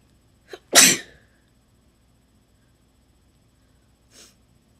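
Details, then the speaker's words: A short inward catch, then one big, sharp, explosive sneeze, followed later by a faint breathy sound; a deliberate attempt to sneeze. "So I've got this, and I'm going to attempt sneezing again."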